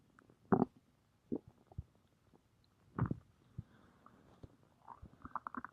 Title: stomach growling